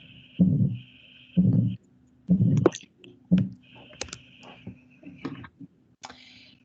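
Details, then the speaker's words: Heart sounds at about 60 per minute, normal sounds played briefly first, then a harsh ejection systolic murmur of aortic stenosis; aortic stenosis murmur. "I think everybody knows what atic stenosis sounds like um so I'm just going to play this very briefly so you've got your normal normal sounds quickly here and then you've got your as"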